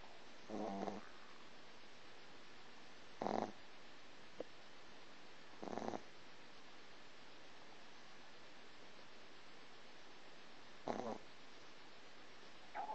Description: Chip, 3 month old Boston Terrier, snoring and dreaming